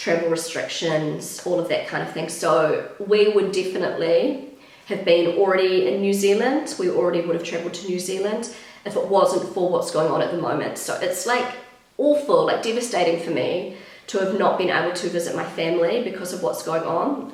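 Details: Pregnant woman with a habitually croaky, crackly voice that she says worsens whenever she is pregnant, blaming the pregnancy; she is also slightly out of breath; vocal fry (creaky voice).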